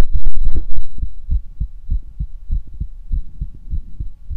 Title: Heart Auscultation